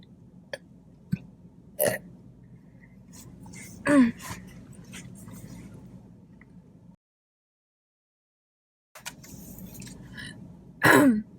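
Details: Throat clearing during a mukbang eating show: several short throat-clearing bursts among soft mouth and eating noises in a quiet room.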